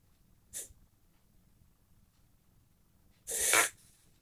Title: Reverse-sneezing Whippet/Whippet nießt rückwärts